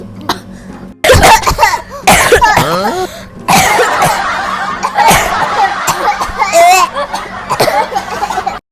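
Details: Exaggerated coughs and throat-clearing with strained voiced tails, acted for comedy, over faint background hum; simulated cough.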